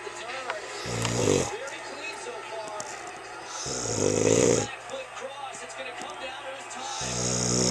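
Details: Man asleep at home on Valentine's Day with the 2010 Winter Olympics on TV: loud, rough snores recurring every few seconds, with music and background noise; snoring.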